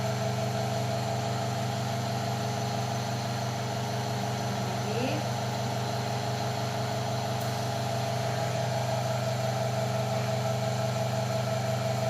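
Steady low motor hum with a constant drone throughout: a suction machine running during oral suctioning of an infant manikin.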